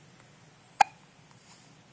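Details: Newborn baby with hiccups while asleep and smiling: one sharp, sudden hiccup in a quiet room.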